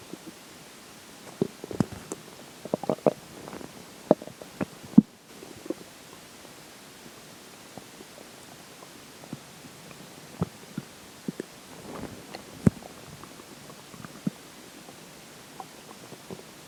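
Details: Scattered soft clicks and gurgles at irregular intervals over a low hiss, recorded during digestion as swallowed water and air take effect; normal bowel sounds, stomach growling.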